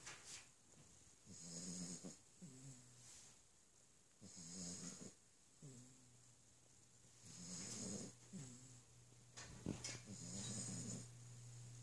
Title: 8Wks Old Yellow Labrador snoring